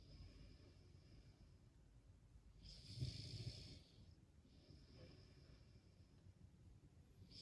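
One loud, rough inhaled breath with a low fluttering rattle, then quieter breathing over steady background hiss: snoring or heavy breathing.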